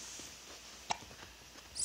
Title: Giggles and hiccups (20 weeks)